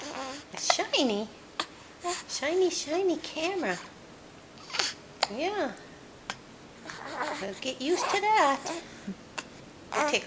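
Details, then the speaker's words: Baby boy with hiccups while cooing and babbling: several brief, sharp catches break his sounds, in a quiet room. "Now you're going to fuss? No, he has the hiccups. Oh, hiccups again."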